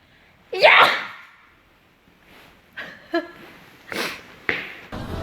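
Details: A sharp sneeze from a GFRIEND member, followed by laughter and chatter in a room.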